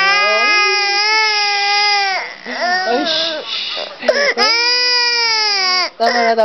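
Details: Crying baby boy: long, loud, high-pitched wails with brief breaks, a typical healthy infant cry.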